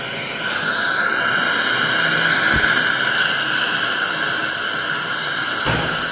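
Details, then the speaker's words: Continuous high-pitched whine with hissing suction and faint music during pain-free ultrasonic teeth cleaning to remove tartar (calculus) at an adult's dental check-up. Ultrasonic dental scaler. "i just want to explain to you guys about my procedure today at the dentist firstly the procedure is called ultrasonic teeth cleaning and it's pain-free"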